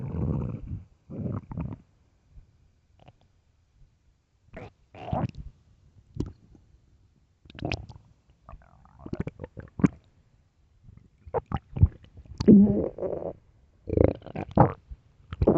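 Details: Intermittent low rumbling and gurgling bursts separated by quiet gaps, recorded late at night; ordinary stomach growling from gas and fluid moving through the gut (borborygmi).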